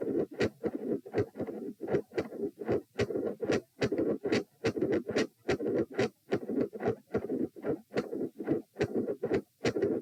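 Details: Heart sounds recorded lying down at position p during an attempted Valsalva provoking manoeuvre: loud, bouncy midsystolic murmur, with 3- and 4-sound patterns noted.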